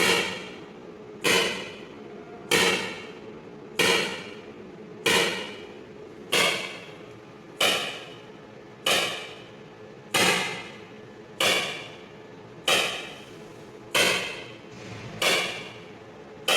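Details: ESWL lithotripsy of a patient's left kidney stone, focused under C-arm, water-filled membrane coupling: loud, sharp, regular slapping clacks about 47 a minute; lithotripter shock waves breaking up the stone.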